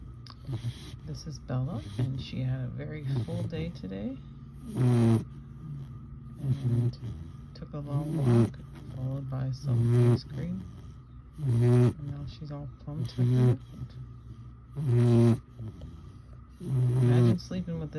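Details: Four-month-old boxer/bully puppy snoring while asleep, said to happen every night: loud, rattling snores about 35 a minute in a quiet room; ordinary snoring.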